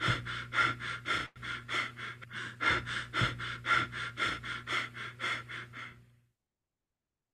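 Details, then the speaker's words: Biot's breathing: quick, shallow breaths, roughly two per second, over a low steady hum, then an abrupt stop with no breathing; irregular respiration with episodes of apnea. "Ya ahí tenemos es una respiración irregular con episodios de apnia. Avnia significa que el paciente no respira."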